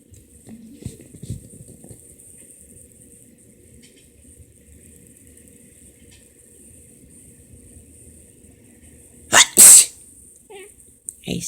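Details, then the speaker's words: Person apologising to their cat for sneezing; quiet room with steady high hiss, then two loud sneezes in quick succession near the end, followed by brief small sounds. "Hey, sorry for sneezing. Sorry, Lolo. Sorry, Milo. Sorry for sneezing."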